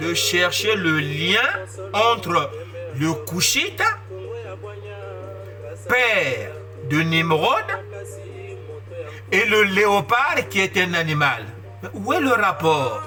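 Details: Adult male who describes his stuttering as a disability that worsens with emotion, speaking French; stuttering.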